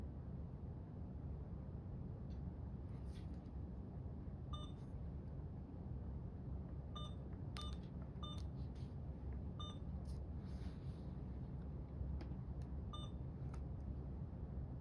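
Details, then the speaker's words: Alaris IV infusion pump being switched on and programmed for primary IV fluids, guardrail fluid selected, in a nursing demonstration: short soft keypad beeps at irregular intervals over a low hum, normal operating sounds. "Next, you will turn the IV pump on and select the appropriate guardrail IV fluids on your pump setting."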